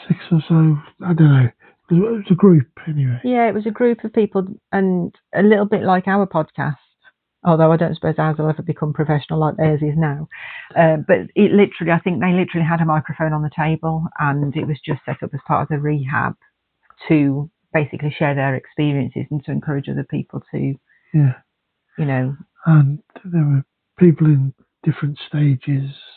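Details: Adult woman speaking conversationally; typical speech.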